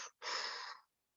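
An imitated smooth, airy breath in, showing a normal inspiration as contrast to a friction rub.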